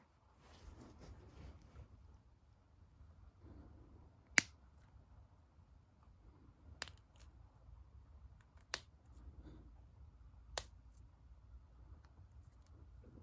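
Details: Finger knuckle cracking: four sharp, isolated pops over quiet room noise.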